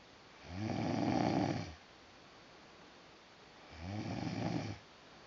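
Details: Adult man (husband) snoring loudly while asleep after a tiring day.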